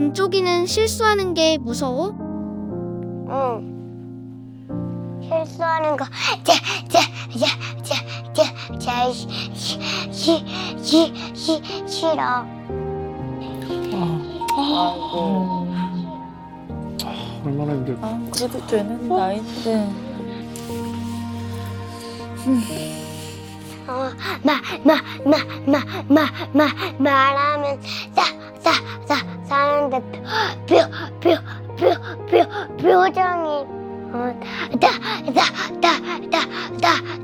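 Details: Stuttering with syllable repetitions in a four-year-old girl, sudden onset in September; pediatrician found no physical problem and recommended speech therapy; expert links it to perfectionism and fear of mistakes.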